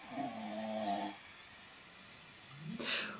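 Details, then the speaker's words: Adult man's loud snoring picked up by a sleep-tracking phone app, with a characteristic suction-like sound at the end of the breath. "This is him again. You can tell because the breathing at the end, he does like this suction thing when he snores."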